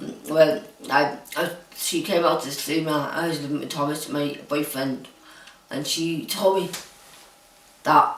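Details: Hyperkinetic dysarthria in an adult woman diagnosed with Huntington's disease who now lives in a supportive care home.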